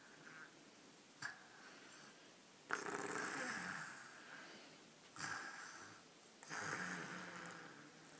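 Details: Infant lightly snoring during an afternoon nap: soft, noisy breaths in a slow rhythm with a faint rasp on each breath.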